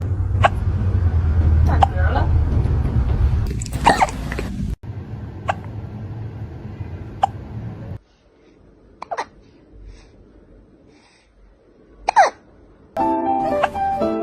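Brief sharp hiccup squeaks from a kitten at irregular intervals, with a loud background hum and soft music at the end; hiccups.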